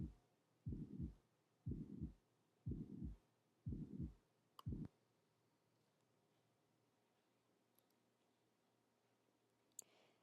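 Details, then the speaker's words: Mitral regurgitation murmur heard over the mitral area: six regular low systolic whooshing beats at about 60 a minute, each obscuring the first and second heart sounds. "thus the murmur of magical regurgitation takes place during systole and may obscure the first and second heart sounds it is best heard over the mitral area"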